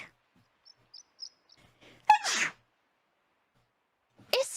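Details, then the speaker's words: Streamer on a live stream holding back her sneezes, saying she has been sneezing a lot lately: quiet small sounds, then a sharp burst with hissing outflow and a second sudden burst; sneezes. "I didn't mean it I thought about muting it I was holding back I'm not gonna release my full sneeze power"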